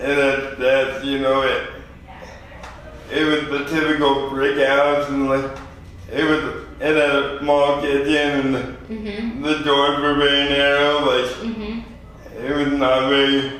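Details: 24-year-old man with lifelong spastic quadriplegic cerebral palsy after premature birth at 2 lb 4 oz; dysarthria (spastic, cerebral palsy).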